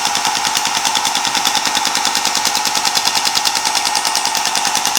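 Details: Loud, fast, regular rattling pulses from a shockwave therapy device applied to the hand and forearm of a climber and woodworker with forearm and hand pain, near the carpal tunnel area.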